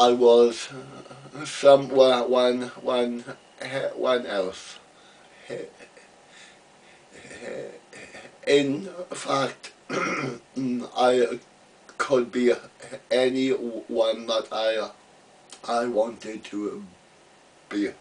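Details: Adult man, real, stammering since about age three; had speech therapy as a boy and used an Edinburgh Masker device; stuttering.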